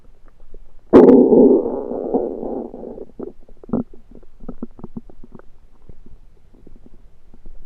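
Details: Borborygmi: a loud gurgling rumble, then a run of short bubbly gurgles and pops, late after eating a home-cooked meal the person thinks was undercooked, late February 2023.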